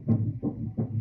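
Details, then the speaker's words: Early pregnancy ultrasound, reported as twins: rapid, rhythmic whooshing pulses of a fetal heartbeat at about 170 to 180 a minute, fast as expected this early, slowing as the baby grows. "like all right so heartbeat this early it can go up to like 180s it'll slow down as the baby gets bigger so that's perf"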